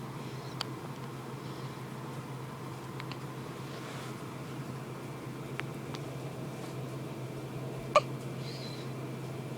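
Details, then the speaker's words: Hiccups in a very small infant, strong enough to shake the body: three soft, sharp clicks spaced irregularly over quiet room noise. "oh there was one one hiccup they're loud when they make a real body shake because you're so little"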